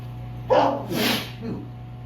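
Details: Allergy sneeze at sundown, ragweed-filled air after meds wore off early: one big, forceful sneeze with a sharp intake and explosive burst.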